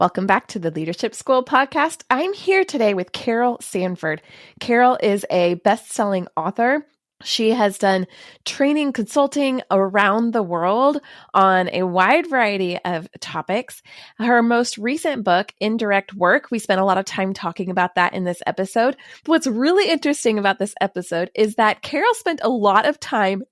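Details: Adult woman speaking; normal speech.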